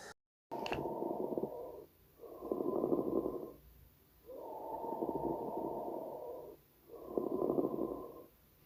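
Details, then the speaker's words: Repeated coarse grating, scratchy sounds with each breath; a pleural friction rub. "마찰음을 상상해 본다면 소리가 긁는 속이거나 이거 꺼리는 소리가 들리 거든요"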